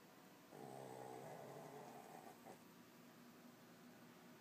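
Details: Little dog snoring: one soft, buzzing, rattling breath, then quiet breathing; a single snore.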